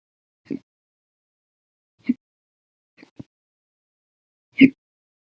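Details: Repeated short, sharp gulping hiccups about every one to two seconds in near silence, audio only; a hiccup bout lasting 12 hours 30 minutes after eating lunch and drinking a cup of soda after dinner.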